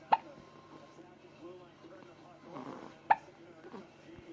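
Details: Dual hiccups: two sharp, abrupt hiccup sounds about three seconds apart over faint room noise.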